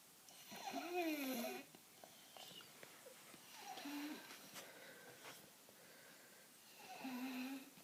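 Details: Snoring in a sleeping 4-year-old child: three rough, rattling snores on breathing in, a few seconds apart, in a quiet room.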